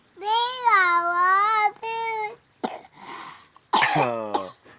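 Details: Small child singing sholawat holds a long, clear note, then gives several short coughs before her voice returns; cough.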